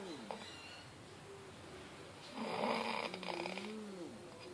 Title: Snoring man